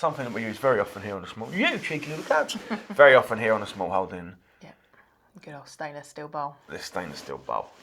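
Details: Involuntary vocal tic phrase from a male speaker with Tourette syndrome, whose tics may include swearing; vocal tic (Tourette syndrome).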